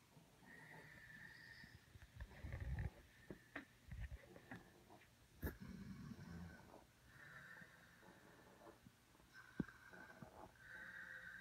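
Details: Two sleepers, a dad and someone else, snoring: quiet, rhythmic rough breathing noises with soft whistly tones.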